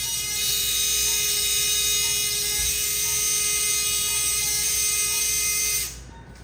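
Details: Surgical power tool removing bone in great toe joint fusion for severe arthritis/hallux rigidus: steady high-pitched whine for about six seconds.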